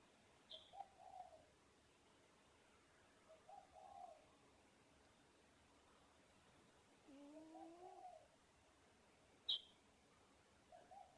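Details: An animal snoring: soft, whistly, buzzing snores with each breath, recurring roughly every three to four seconds, with faint clicks and room hiss.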